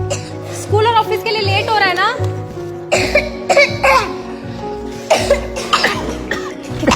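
Several short, harsh acted coughs from an adult over loud background music with singing; an acted cough.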